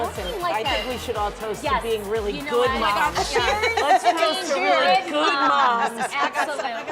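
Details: Adult woman speaking; normal speech.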